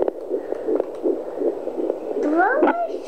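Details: Fetal heartbeat at 13 weeks of pregnancy on a handheld fetal Doppler, fast soft whooshing pulses of a rapid fetal heart; the parent wonders whether it is twins.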